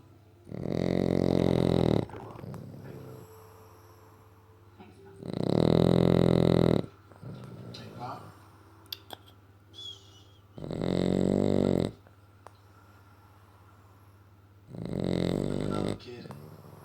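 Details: Loud, rattling snores about every five seconds from a sleeping French bulldog, a flat-faced dog that snores with his eyes open, in a quiet room; snoring.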